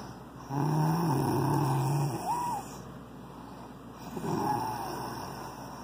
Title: Best snoring one yet...